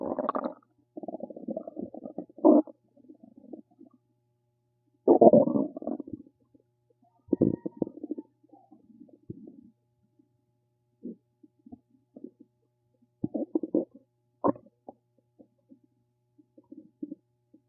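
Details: Ordinary stomach rumbling (borborygmi): bursts of gurgling and squeaky rumbles with silent gaps.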